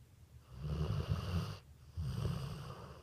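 Two deep, low, fluttering snores with a short pause between them; snoring in a sleeping dog.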